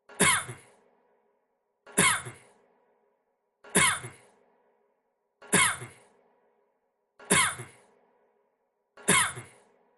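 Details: Six single dry coughs, evenly spaced about every 1.8 seconds, each a sharp burst fading quickly; looped plain coughing.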